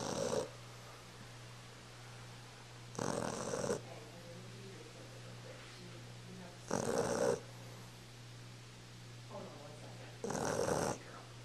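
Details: Regular rasping snores, about 17 a minute, during sleep over a steady low room hum, recorded on a Flip Video camcorder; snoring.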